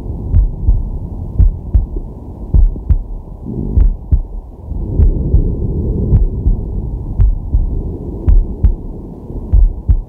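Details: Male's heartbeat and breathing recorded with a digital stethoscope on the chest during a sleeping/relaxation session: steady lub-dub roughly 50–60 a minute with slow deep breaths between beats; normal heart sounds.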